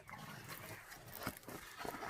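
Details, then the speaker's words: French bulldogs and pugs, brachycephalic dogs, snoring and snorting constantly as they breathe, in the background. "Ce sont mes chiens parce que j'ai des bulldogs français et des carlins. Donc, ce sont des chiens qui ronflent, qui reniflent comme ça, toujours, en respirant."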